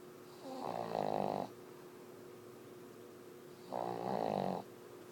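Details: Dog snoring: two loud rattling snores on breathing in, separated by quiet pauses, with a steady room hum.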